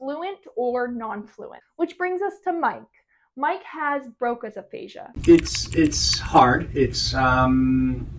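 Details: Adult woman speaking, then a second speaker; typical speech.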